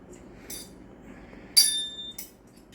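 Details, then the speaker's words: Tuning fork struck for a Weber hearing test during a head-to-toe (HEENT) assessment; metallic strike then clear fading ring; patient reports hearing it, Rinne test follows, hearing judged very good. "now I'm gonna do the Weber test"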